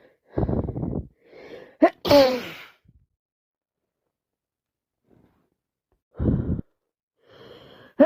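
A few sharp sneezes with breathy intakes and short pauses between them; repeated sneezing with a worsening cold.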